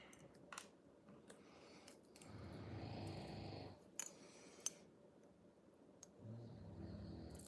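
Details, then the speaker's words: Sleeping dogs snoring: two soft, low rumbling snores about four seconds apart, with clicks of small objects and quiet room noise between. "Dogs are still snoring."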